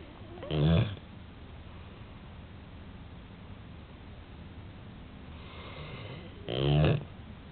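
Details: Loud snoring heard during a nap with dad's arm as a pillow: two loud, low, rattling snores about six seconds apart over steady background hiss.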